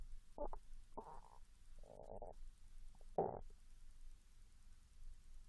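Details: Young Japanese woman fasting 16 hours, growling after drinking mineral water, recorder directly over the stomach: several short squealing, gurgling growls, hunger borborygmi.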